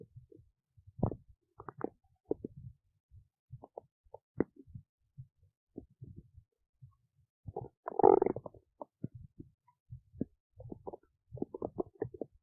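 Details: Scattered soft clicks and brief gurgles with one louder bubbling rumble from a woman's belly while digesting oats; normal digestive bowel sounds (borborygmi).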